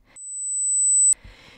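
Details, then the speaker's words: Audiometry test tone: an 8000 Hz pure tone, the highest frequency tested in pure tone audiometry, a steady, very high, piercing whistle-like tone lasting about one second, sounding sharper than 1000 Hz. "the higher the frequencies are the sharper it sounds for example this is what 1000 hertz pure tone sounds like and this is what 8 000 hertz pure tone sounds like"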